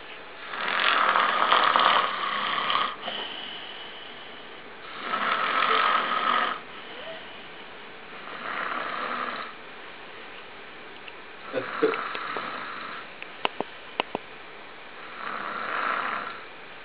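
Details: Male friend snoring very loudly during sleep: harsh rattling snores in a steady rhythm, about every three to four seconds, with quieter breathing between them.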